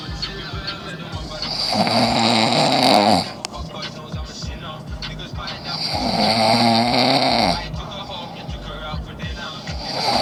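Loud, rough, rattling snores on each breath, about two cycles in ten seconds, with quieter breathing between; faint music in the background.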